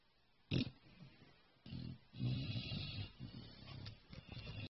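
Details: Low, rumbling, grunting breaths with snorting bursts in a quiet room; snoring.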